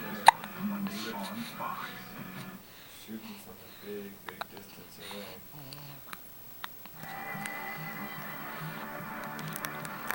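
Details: Young child with hiccups: a few short, abrupt hiccup sounds, partly masked by background music and voices; hiccups.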